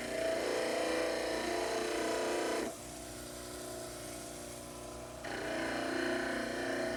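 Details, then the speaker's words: Dental model trimmer trimming the anterior arc of a mandibular plaster cast, concentric to the facial surfaces of the anterior teeth: steady grinding hum that drops in pitch and load mid-clip, then returns. "after the sides are trimmed you should trim the AR The Arc should be a concentric Circle a semicircle concentric to a circle that would be drawn through the facial surfaces of your anterior tee"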